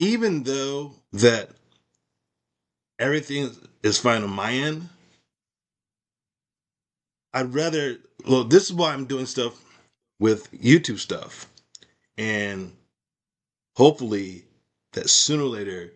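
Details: Woman with aphasia after a stroke, with difficulty understanding in meetings and needing repetition; conversational speech; aphasia.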